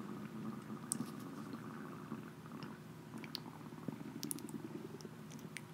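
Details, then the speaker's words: A person's stomach growling (borborygmi), audible during a recorded podcast conversation and noticed by the person. "you hear that that was my stomach stuff my stomach growling"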